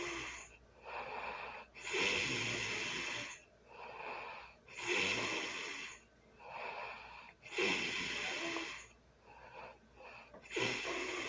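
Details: Loud early-morning snoring during sleep: harsh snore on each breath in, about 20 breaths a minute, with quieter breaths out between them.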